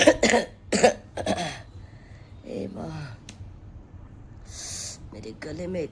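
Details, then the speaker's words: Cough in a woman with a cold who is taking steam inhalation after 3–4 days of fever then cold. Hoarse throat, painful swallowing, phlegm built up; a few harsh coughs and throat clearing, then quieter breathing. "पहले बुखार से परेशान थी। फिर सर्दी, खांसी अभी गला बैठा हुआ है।"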